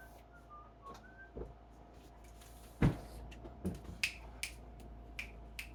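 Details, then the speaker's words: Patient with 22q deletion, autism, seizures, dystonia and orthostatic intolerance, after physio with shoulder pain and oxygen saturation of 93–94%: sharp, repeated mouth clicks at irregular intervals, described by the caregiver as a clicky tic. "What was that? Why do you do a clicky tick? That's not going to help your shoulder."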